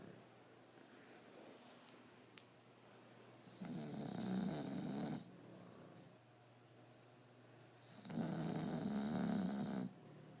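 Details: English Bulldog: loud, rough, rattling snores on two breaths about four seconds apart, quiet between; snoring.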